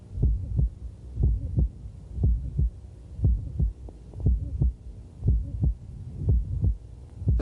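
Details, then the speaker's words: Dynamic subaortic stenosis from hypertrophic cardiomyopathy: regular heartbeat about 59 a minute with a short, squeaky, high-frequency systolic murmur, usually loudest along the left sternal border. "we can have a murmur due to the obstruction which will give this the shirt squeaky high-frequency murmur that's usually loudest along the left sternal border"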